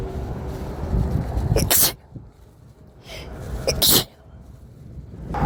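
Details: Repeated sneezing, a bit desperate at the end: two forceful sneezes, each with an audible in-breath before the explosive burst, then the start of a third.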